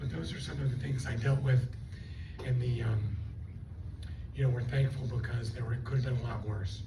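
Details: Adult woman after stroke with left vocal cord paralysis and one working cord; the cords do not seal, so she takes breaths while talking. She also has swallowing loss and left facial paralysis. Dysphonia from unilateral vocal cord paralysis.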